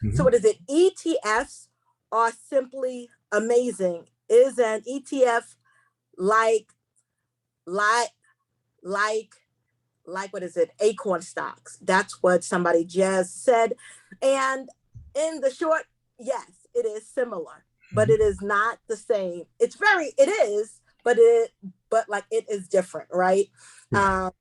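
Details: Woman who identifies herself as a stutterer, repeating a word several times while hosting a seminar; she warns listeners she will stumble across words: stuttering.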